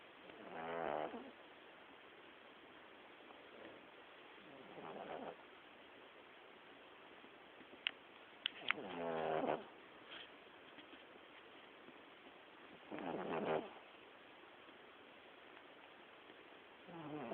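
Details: Cat Raziel snores loudly while sleeping, about 15 rough, rattling chainsaw-like snores a minute, recorded on a phone in poor quality; snoring.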